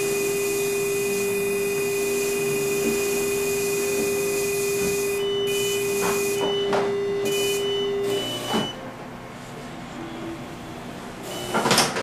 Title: None vacuum phacoemulsification case 2